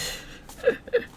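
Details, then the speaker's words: An adult woman keeps hiccuping while crafting: two quick, sharp, voiced catches about a quarter-second apart, over faint room hiss; hiccups. "you guys hear that okay just keep hiccuping"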